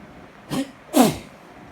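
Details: Late-night allergy sneezes while in bed, ready to sleep: a small sneeze followed by a louder one.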